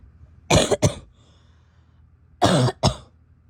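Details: Female: two pairs of short, harsh coughs separated by a brief quiet pause, with some spitting; plain coughing.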